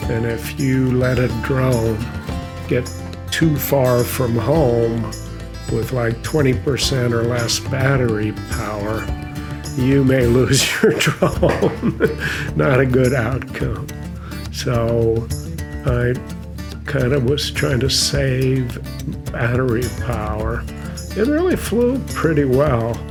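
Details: Adult male with mild essential tremor that also makes his hands unsteady; essential voice tremor.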